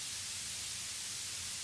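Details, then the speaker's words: Steady, even hiss weighted toward higher pitches, with no pulses or breaks: a tinnitus masker noise being tuned in both ears at once. "You can make the masker volume fluctuate by pressing one of the buttons in the Masker Modulation group."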